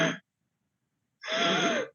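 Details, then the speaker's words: Imitated harsh, high-pitched crowing on breathing in, as in a child arriving at the emergency room with upper airway obstruction: inspiratory stridor, raising suspicion of acute laryngitis, e.g. laryngotracheitis or croup. "Y es inspiratorio generalmente, estridor inspiratorio, ¿ok? Entonces, en ese caso voy a sospechar de una laringitis aguda."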